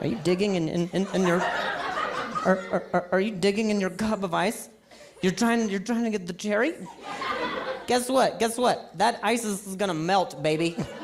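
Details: Real stuttering in an adult male stand-up comedian who describes it as a very mild speech impediment; repetitions of words and phrases are heard during the set.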